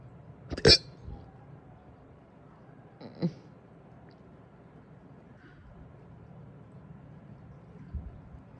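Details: One loud abrupt burp, then a softer second and faint third, in a quiet room; big burps after breakfast that led to hiccups.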